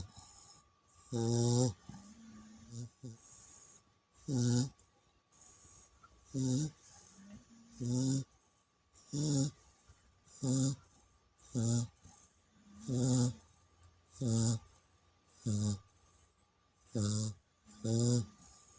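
Loud, regular snoring from a puppy, about 12 snorts a minute, with softer whistling sounds between them; ordinary snoring during sleep.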